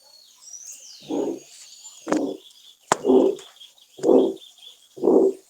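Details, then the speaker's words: Regular mid-pitched systolic murmur at about 60 beats a minute: aortic stenosis, from a cardiac murmurs lecture. "la cruz es decir ya un soplo sistólico de estenosis aórtica"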